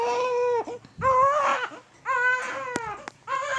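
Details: High, wailing cry in repeated bursts with short breaths between, in a small room, from a baby who is sick with flu and cough.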